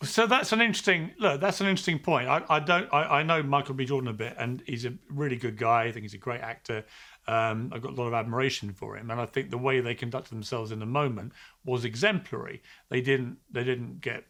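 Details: Adult man; normal speech.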